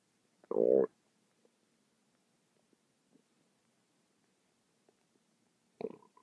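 Two short gurgling rumbles with faint bubbling clicks between them in a quiet room; ordinary bowel sounds.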